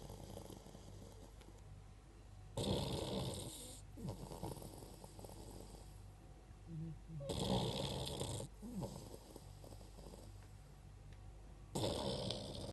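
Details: Beagle snoring: three loud, rough snores about four to five seconds apart, roughly 13 a minute, over quiet room hum.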